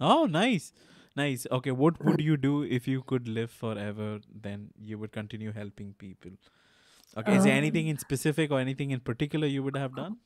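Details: Adult male speaker; normal speech.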